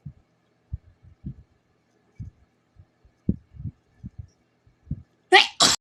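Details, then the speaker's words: Sneeze from the speaker during a bout of repeated sneezing; the speaker mentions speeding the recording up two times, so playback may be accelerated. "Sorry, I have to sneeze one more time."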